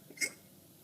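A single sharp, brief hiccup, a sudden clipped gulp of sound in a quiet room.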